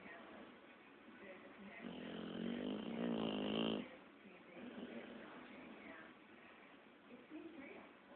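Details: Pitbull dog snoring: one loud, rattling snore lasting about two seconds, with quiet breathing and faint room noise.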